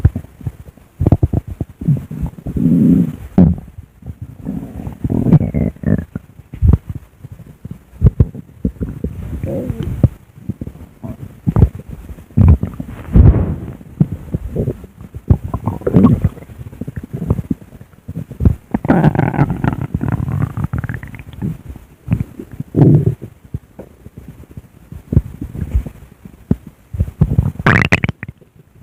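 Low, irregular gurgling and rumbling bursts typical of stomach growling, ordinary gut movement.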